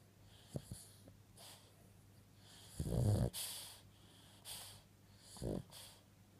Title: Dreaming Snoring Chihuahua....